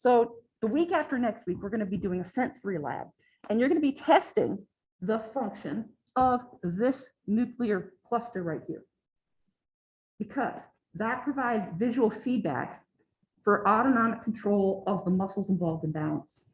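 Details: Adult woman lecturing; normal speech.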